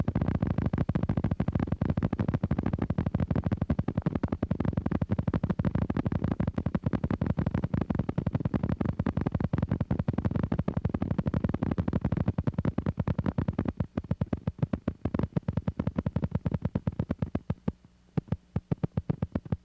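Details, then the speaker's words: Needle EMG with high-amplitude, long-duration motor unit potentials from reinnervation in chronic denervation: loud, deep, rapidly repeating thumps. "Thus it takes at least several months before long duration mups become obvious in the needle EMG after nerve injury. Watch and listen to high amplitude, long duration mups, high amplitude mups, and long duration mups."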